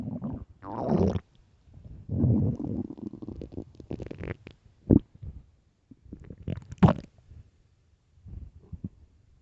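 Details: Early morning stomach growling recorded for headphones: irregular gurgling, bubbling rumbles with squeaky rises and quiet gaps; ordinary bowel sounds.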